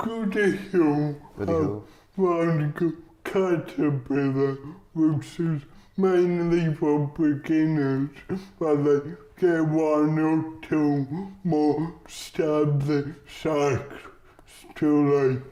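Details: Adult male comedian with cerebral palsy; dysarthria (cerebral palsy).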